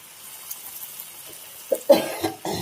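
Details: Adult feeling unwell while cooking ginger rasam gives a few short, harsh coughs after a quiet stretch, faint kitchen noise behind: cough.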